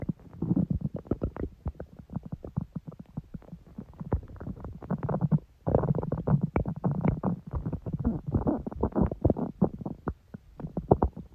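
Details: Long stomach growl: a long run of low gurgling, rumbling and popping bowel sounds from the belly.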